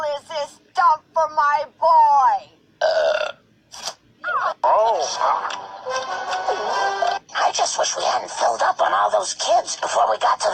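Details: Cartoon voices with music and drawn-out burps in the mix; burping replayed from an animated show, not a real recording.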